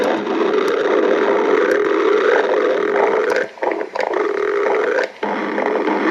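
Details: Long, loud, rumbling growl with a steady low tone and two brief pauses, likely a cartoon sound effect of stomach growling (borborygmi).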